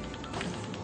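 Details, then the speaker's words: BAER brainstem auditory evoked response hearing test on a Dogo Argentino puppy litter, breed predisposed to genetic deafness, electrodes recording: rapid, evenly spaced repeated click stimuli, roughly ten per second. "On a une portée de dog argentin qui fait partie des races qui sont éventuellement prédisposées sur surdité génétique. Et là, on a besoin du test pour vraiment se faire une idée précise du problème. Vous entendez, on envoie des sons de façon réitérée."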